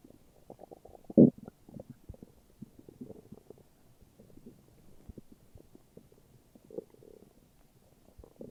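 Continuous low rumbling and gurgling with a louder gurgle early on, ordinary stomach growling; normal bowel sounds.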